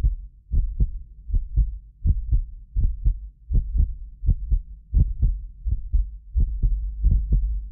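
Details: Heartbeat of a medically fit adult recorded with several precision contact microphones: regular low paired thumps about 80 a minute; some clicks doubled by ~6 ms delay between microphones. Normal heart sounds.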